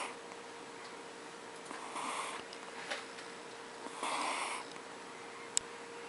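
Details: Sleeping baby snoring; snoring.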